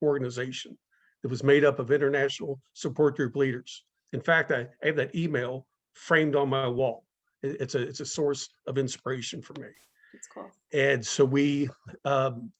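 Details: Adult speaker in a talk series run by a community of people who stutter; stuttering.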